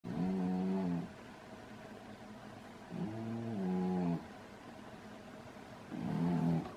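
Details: Lambert, called "good boy", lies with his head upside down in a crystal bowl, snoring loudly: three low, buzzing, droning breaths about three seconds apart, near 20 a minute, with quiet gaps between.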